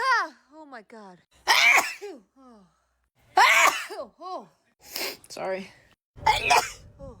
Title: my favorites are definitely when i had back to back sneezes :) #shorts